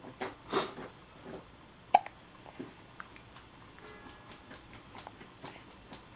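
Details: Infant girl just under two months old with hiccups; small, sharp, irregularly spaced catches in a quiet room.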